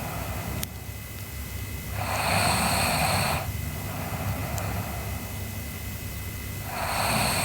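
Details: Sleeping girl snoring: noisy, hissing breaths in slow cycles over steady room hum.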